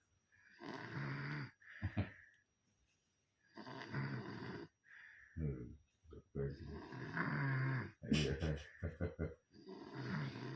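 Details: Snoring during sleep, rough rattling snores on each breath with brief quiet pauses between them.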